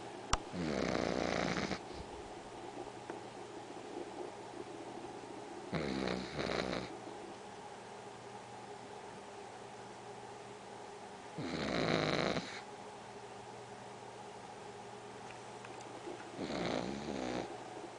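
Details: Pug dog sleeping in various positions: loud rattling snores, about 11 a minute, with quiet pauses between them; snoring.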